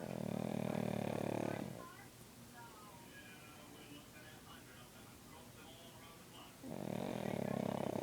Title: Cute pug snoring.